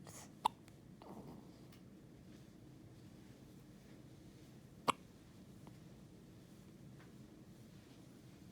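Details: An infant's first hiccups: two sharp, brief hiccup sounds several seconds apart over quiet room noise.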